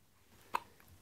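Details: A single brief, sharp, click-like hiccup from a dog with the hiccups in a quiet room.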